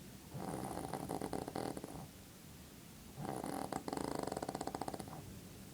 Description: My mom snoring